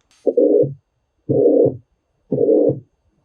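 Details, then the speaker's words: Systolic murmur heard through a stethoscope on cardiovascular exam: regular heartbeat near 58 a minute with a blowing sound dragging from the first heart sound to the second. "Observe que tem B1 tem um sopro e tem B2 é como se você ouvisse uma B1 arrastando até chegar em B2"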